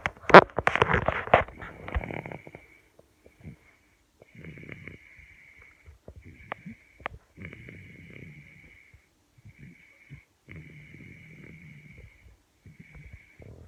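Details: Soft, rattly snoring breaths with a faint whistle, in short runs after a louder burst of handling noise at the start.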